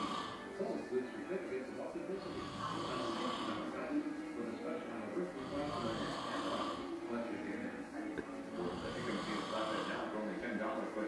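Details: An adult man snoring at 1:48am while asleep with a hat on and a TV remote in hand: loud, rough, rhythmic snoring with a rattling, fluttering quality and a television commercial in the background.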